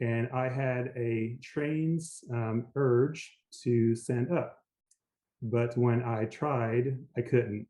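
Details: Aphasia after a stroke in an adult man, initially global aphasia able to say only yes.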